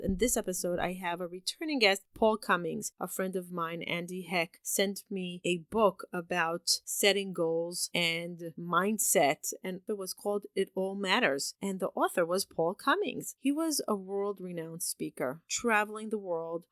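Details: Adult woman speaking; Normal speech.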